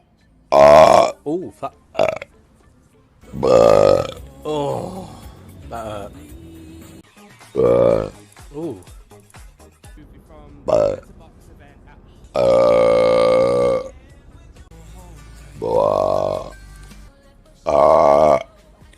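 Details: Compilation of burps from live streams: a series of loud, voiced belches of varying length from different people, with brief talk and music between them.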